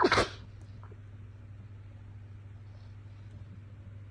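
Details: A single sharp, explosive sneeze over a low steady room hum, from a person whose nose had been bothering them over a couple of days; sneeze.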